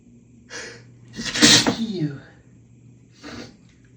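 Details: Adult male sneezing fit after a shower, allergies flared by hotel soap fragrance: loud, forceful sneeze with a voiced tail between shorter sharp bursts.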